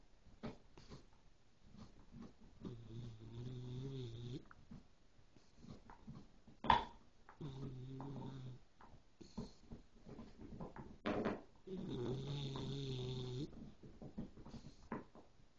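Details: A sleeping dog in a quiet room gives three long, low, rattling snores a few seconds apart; ordinary snoring.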